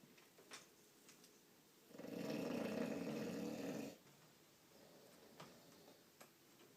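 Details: Bulldog snoring while asleep: one long, rough snoring breath over quiet room noise with faint ticking; ordinary snoring.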